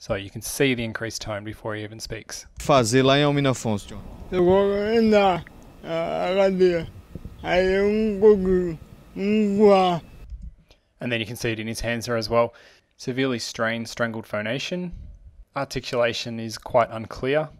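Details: Adult male speaker, with a clinician narrating; spastic dysarthria.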